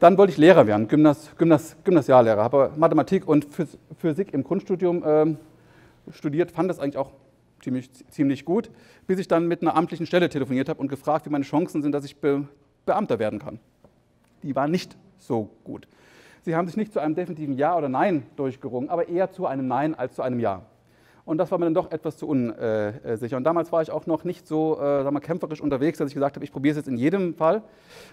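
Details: Adult male psychologist who has stuttered since early memory, reduced in frequency and severity after therapy; mostly mild blocks, sometimes large blocks; stuttering.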